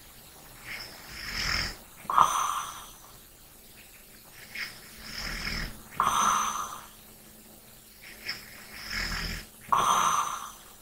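Slow sleep breathing, about 17 breaths a minute, with soft snoring and a slight whistling tone on each breath.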